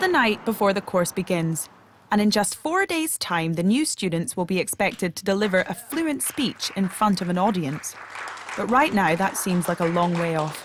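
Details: Adult narrator; fluent speech.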